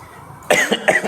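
A brief adult cough, two or three quick bursts, after a moment of quiet in a small room.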